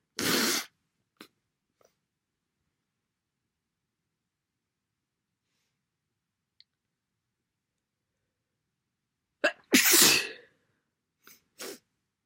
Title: Very wet sneezes. Another cold?